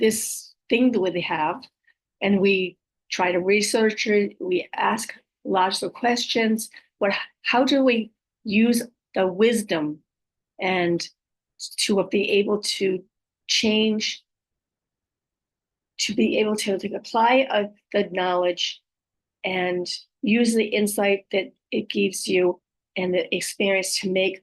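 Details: Adult female with aphasia, apraxia of speech and dysarthria following a stroke, whose speech can be hard to understand; aphasia with apraxia of speech and dysarthria.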